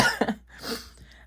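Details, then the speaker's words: Single short, dry cough burst from an adult woman with a lingering cough after recent illness with lost voice, and bad seasonal fall allergies; followed by quiet room sound. "I still have a little bit of cough as well. That will not go away."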